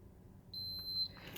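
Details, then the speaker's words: Single high electronic beep from an AlphaTrak blood glucose meter signalling a reading taken from a diabetic dog's paw pad blood sample; glucose meter beep. "it beeps it's got the reading you could get out but good good"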